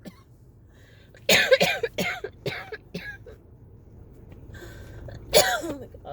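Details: Run of harsh, dry coughs in two clusters with a quiet gap: a persistent attack of cough variant asthma that would not stop, leaving the patient lightheaded by the end.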